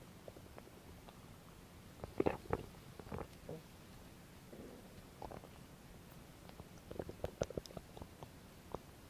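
Bursts of gurgling and popping belly noises between quieter stretches; ordinary stomach growling recorded close up.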